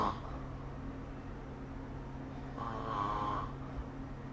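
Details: Snoring during sleep recorded with the SnoreLab app: a single rough, vibrating snore on an inward breath over a steady low room hum.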